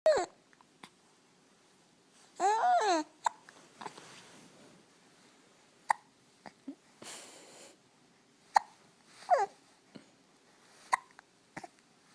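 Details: Several short, abrupt gulping sounds with sharp onset, spaced a few seconds apart, with faint vocal sounds between them. Hiccups.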